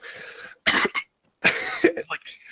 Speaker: Every time I cough, I hiccup. Every time I cough, I hiccup. It's a disease, dude.